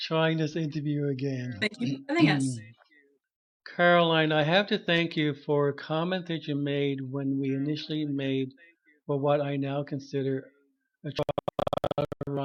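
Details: Adult man who stutters, self-diagnosed, with severe stuttering at about age 21 when he began speech therapy; stuttering.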